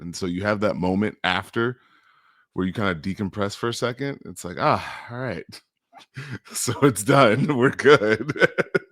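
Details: Adult man speaking; ordinary speech.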